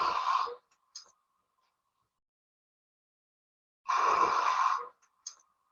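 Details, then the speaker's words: Monophonic wheeze: two breaths, each with a single steady musical tone, attributed to narrowing of a single bronchus, possibly from a process such as a bronchial tumor. "lo que escuchamos es un silbante tiene ser más que todo un solo tono en eso sugiere entonces que el bronquio espasmos no está ocurriendo un solo bronquio"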